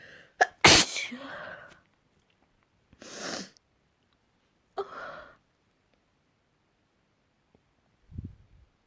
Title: Last week sneezes